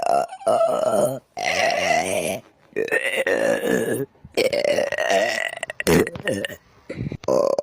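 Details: A series of long, loud, rumbling voiced belches with short gaps between them: repeated burping.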